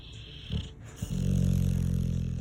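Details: Female sleeping dog snoring: two brief snorts, then a low, drawn-out rumbling snore.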